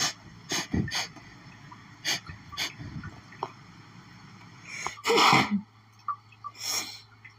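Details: Rapid run of sharp sneezes with sniffing breaths between, a sneezing fit after sniffing lilies; the person reports intense, nonstop sneezing fits since, tagged as pollen allergy.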